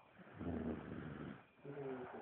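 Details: A young child, a baby sister said to snore louder than the average grown man, makes two low, rumbling snoring breaths with a vibrating, buzzy quality; snoring.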